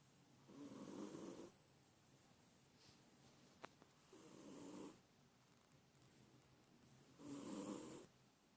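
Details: Cat sleeping with tongue out: three regular, low rasping snores about three seconds apart, roughly 20 breaths a minute, with quiet pauses; cat snoring in sleep.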